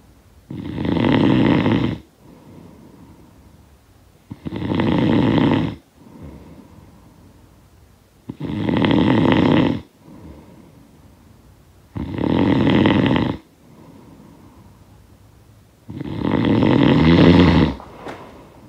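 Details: Steady, loud, rattling snores, five in about 19 seconds (roughly 16 a minute), with quiet breaths out between; sound-effect recording of snoring.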